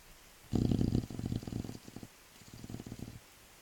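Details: Low, fluttering, rattly breathing noise in two bursts during sleep, like a soft purring snore: snoring.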